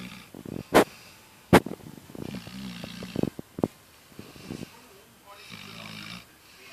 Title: Snoring!!!